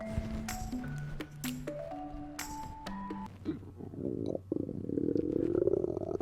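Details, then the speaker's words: Narrator's own stomach in a children's educational clip, possibly from hunger: after a short musical jingle, gurgling, bubbly rumbling as food, liquids and gases move through; ordinary bowel sounds. "our stomach can be pretty noisy it makes a grumbling sound when food liquids are gases are moving through it sometimes we can even hear our stomachs when we are hungry"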